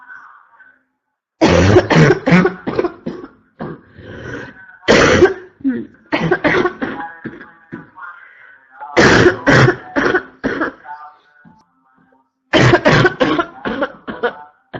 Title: constant barking cough 3 (f)